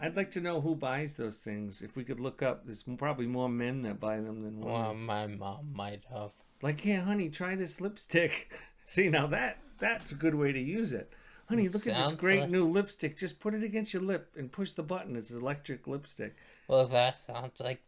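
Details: Adult male speaker; normal speech.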